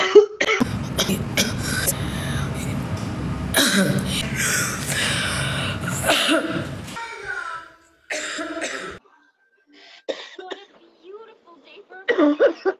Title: kik - tiktok live women coughing hard compilation